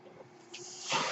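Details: Speaker's own mechanical ventilator heard during podcast speech, a ventilator breath cycle.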